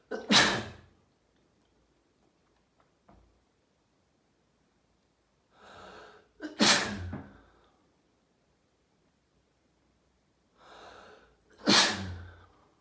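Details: Paroxysmal sneezing: a daily sneezing fit after showering, second half recorded; three forceful sneezes about five seconds apart, each preceded by a sharp indrawn breath, in a quiet room.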